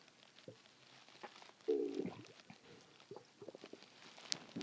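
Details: Stomach growling (borborygmi), first while swallowing a small amount of water mixed with air and then as after-effects: brief soft gurgles and one louder rumble over room hiss.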